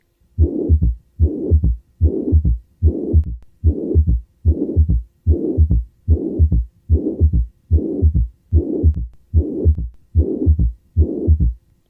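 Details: Regular heartbeat near 74 a minute with a long blowing pansystolic murmur filling systole and a low third heart sound, in mitral regurgitation.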